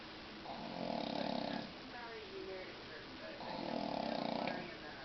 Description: My sister in law! She says she doesn't snore??? Hubby caught her in her NON-SNORE state...lmao